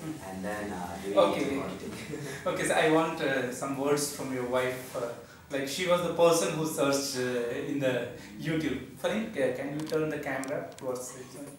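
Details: Adult male clinician; typical speech.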